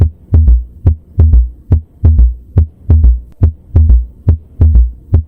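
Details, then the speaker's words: Stethoscope bell at the apex, patient lying on the left side: regular heartbeat near 71 a minute with a soft, low-frequency extra sound just after S2, a lub-dub-dub; S3 gallop. "You hear a soft low frequency sound right after S2. It's a gentle lub dubdub, like a third footstep."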